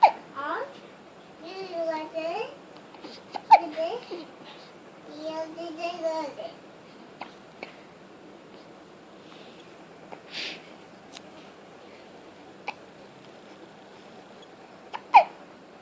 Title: got Hiccups